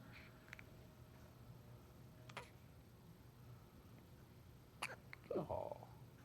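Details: Baby with a few short, sharp hiccup sounds at uneven intervals over steady room hum, and a brief voice near the end: hiccups.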